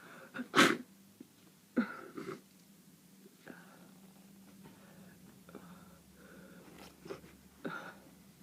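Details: Person home ill with a horrible cold: a sharp, explosive sneeze, then several smaller sniffs and bursts over a steady hum; sneezing with a head cold.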